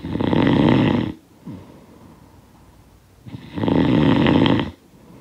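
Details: Snoring sound-effect recording: two long, loud, rattling snores on the in-breath, with a quiet breathing-out pause between them; snoring.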